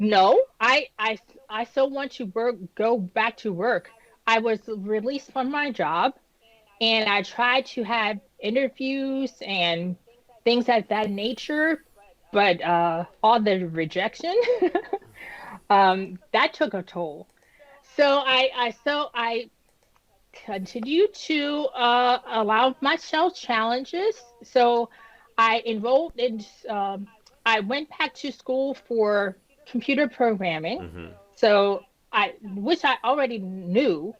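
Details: Woman with post-stroke aphasia and apraxia of speech after an ischemic stroke at age 36 that damaged about a third of her brain, including the speech center; initially unable to speak; almost 10 years later, with repetitions and word-finding pauses.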